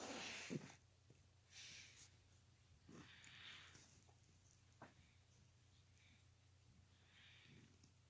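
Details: A cat coughs "like an old man," with several short, harsh, breathy coughing and hacking bursts in a quiet indoor room.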